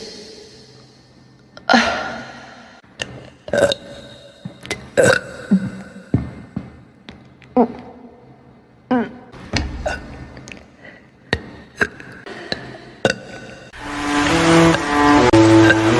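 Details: Apparently drunk person, burp compilation: repeated short belching and grunting sounds, ending with background music; burping.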